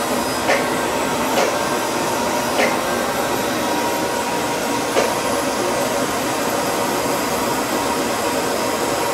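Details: Steady whirring machine noise with a few faint clicks, from a surgical laser unit or smoke evacuator running during laser removal of a growth on a dog; surgical laser unit running.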